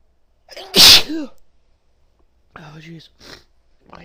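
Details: Adult woman: one loud, explosive sneeze with a sharp in-breath before it, after a nose tickle build-up, followed by a few quiet vocal sounds.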